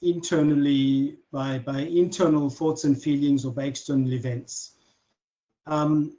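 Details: Adult man who has stuttered since childhood, speaking naturally in conversation; stuttering.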